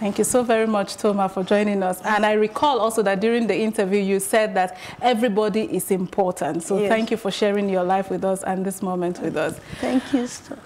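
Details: Adult woman (host); Typical speech.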